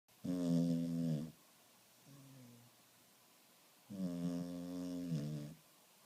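Two long, low, buzzing snores with a faint softer one between, in a quiet room. Snoring in a sleeping dog.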